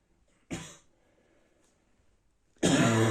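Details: Harsh dry barking cough bursts with a pause between; morning dry cough in an adult with a bad cold, hurting inside.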